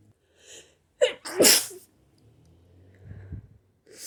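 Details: A sharp in-breath followed by a loud, forceful sneeze, then quiet breathing; a violent hay fever sneeze.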